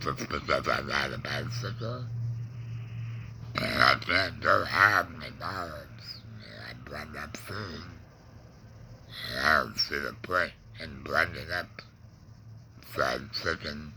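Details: Adult man, cancer survivor of about 20 years, with a laryngectomy (tongue cancer tagged), breathing through a neck stoma, with tongue pain and depression; alaryngeal (esophageal-type) speech after laryngectomy.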